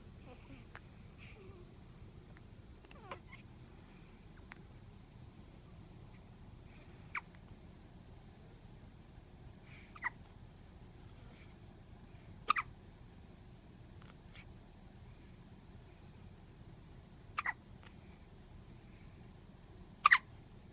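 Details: Newborn baby's first hiccups, still in the hospital: soft, sharp hiccup clicks recurring every few seconds over a steady low room hum.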